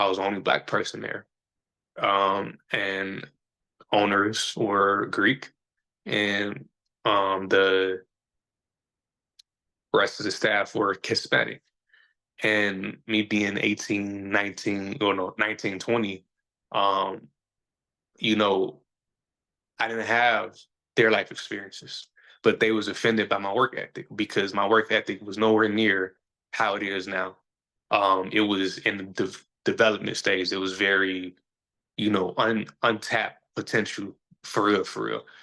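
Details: Adult man who says he stutters, is still sometimes a little insecure about it and years ago felt he had to hide it; stuttering.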